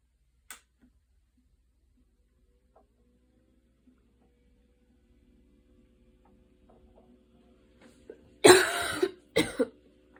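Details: Asthma cough in an adult, in the evening after walking and running outside in the rain with intense breathing, inhaler used: a mostly quiet room, then two harsh coughs close together near the end.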